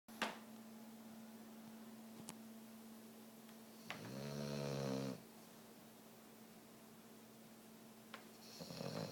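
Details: Buster snoring super loud: one loud, rumbling snore on a single breath, rising and then stopping, with a low steady hum behind.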